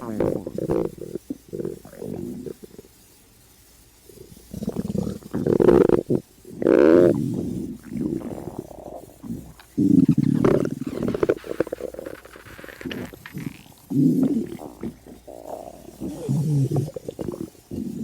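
Loud gurgling, rumbling and squeaking stomach noises in irregular bursts: hunger growling of the stomach, a normal sound.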